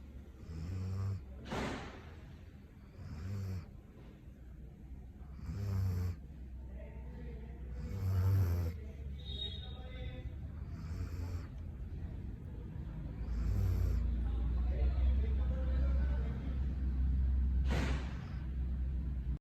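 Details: Low, rumbling snorts recurring irregularly, with some room noise, from a German Shepherd dog in deep sleep; dog snoring.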